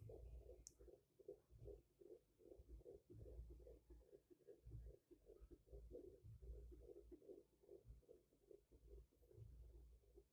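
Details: Rapid, steady whooshing fetal heartbeat at about 150 beats a minute on Doppler at a four-month pregnancy checkup; fetal heartbeat.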